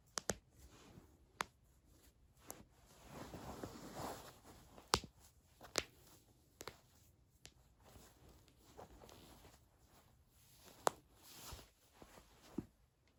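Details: Joint cracking (cavitation) during manual chiropractic manipulation of neck, back and toes: scattered sharp pops and clicks with rustling and shifting in a quiet room.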